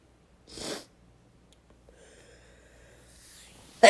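A single short, forceful burst of air through the nose and mouth, then quiet room noise: an ordinary sneeze.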